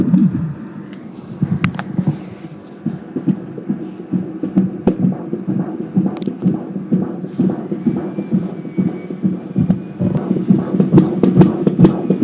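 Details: Fetal heartbeat at 18 weeks 6 days of pregnancy (fifth month), recorded with an Angel Sounds home Doppler: fast rhythmic whooshing pulses, about 136 a minute, normal rate, with probe scraping noises.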